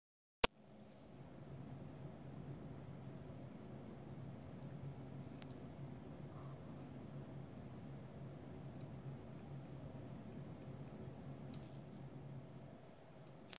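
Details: Simulation of a person's own tinnitus: steady high-pitched pure tones layered over a low hum, imitating ear ringing.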